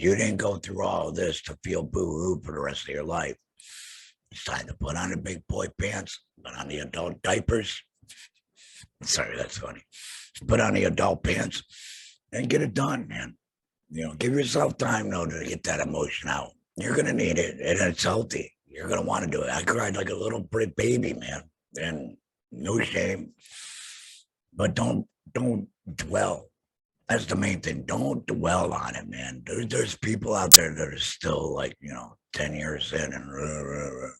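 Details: Alaryngeal speech in an adult man after total laryngectomy for throat cancer, vocal cords removed.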